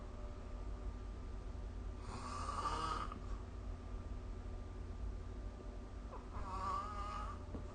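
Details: Snoring during sleep recorded with the SnoreLab app: two rattling snores about four seconds apart on inhalation, over a steady low room hum.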